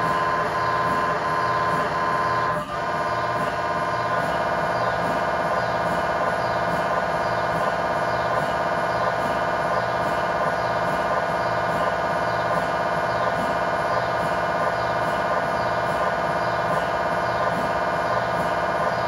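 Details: Loud steady buzzing hum with rapid repeating knocks, about 170 a minute; MRI scanner noise during a lower-leg tibia/fibula test scan sequence with a GE high-definition lower extremity coil in a controlled setting.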